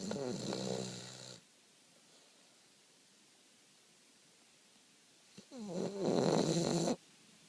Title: Bulldog sleep snore